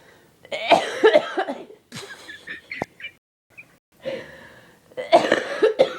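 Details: Several harsh, rough coughs in irregular bursts with gasping breaths between, at home.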